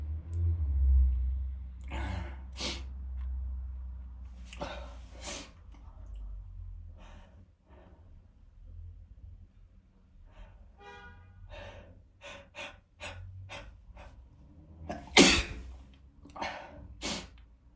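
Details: Several sharp, explosive sneezes from one person (tagged M), with sighing breaths and quick inhalations between them, filmed close up to show the spray; ordinary sneezing in a quiet room.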